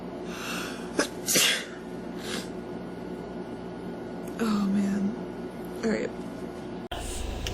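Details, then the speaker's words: Several sharp sneezes with a soft voiced sound after them against steady room noise; the person apologizes and says their allergies have been acting up since the morning. "excuse me sorry excuse me I'm so sorry my allergies have been going crazy since this morning"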